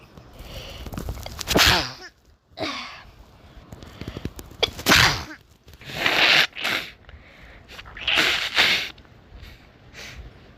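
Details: Sneezing.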